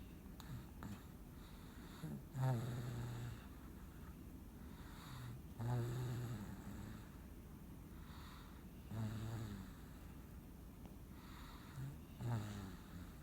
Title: snores after a long day of fun